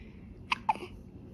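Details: Seven-day-old newborn hiccupping: two short, sharp hiccup sounds about a fifth of a second apart.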